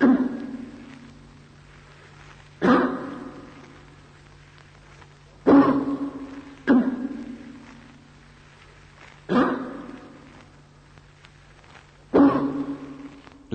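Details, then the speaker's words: Five loud, harsh, barking single coughs, widely spaced at about 9 per minute; the barking cough of an aortic aneurysm, which has a distinctive acoustic character. "La tosse abbaiante nell'aneurisma aortico si distingue per un carattere acustico particolare."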